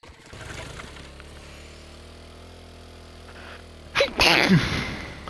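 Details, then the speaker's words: Adult gamer's single loud, explosive sneeze after a quick intake of breath, over steady engine-like game audio; they say they are known for pretty loud sneezes. "Excuse me. Damn. That was a bit loud. That sounded as I'm known for having pretty loud sneezes."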